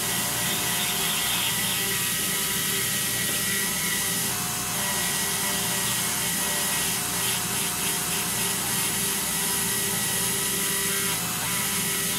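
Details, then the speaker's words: High-speed dental drill with bur 8847 cutting a maxillary central incisor for a PFM crown on a Kilgore typodont, following facial contour with extra incisal-third reduction; steady high-pitched whine with gritty grinding throughout. "So make sure that it follows the contour with a little more reduction in the incisal third, as we've been mentioning."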